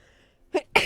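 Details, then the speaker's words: Man sneezing while live-streaming a video game, left slightly congested afterwards: a short intake of breath, then a sharp explosive single sneeze. "Great, I sneezed and it made me a little congested. So basically, I sound like Tom DeLonge now."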